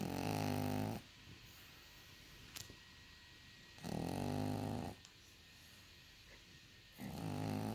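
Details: Pug snoring during sleep: loud, rough snores roughly every three seconds, about 20/min, with quiet gaps; eyes noted open just afterward.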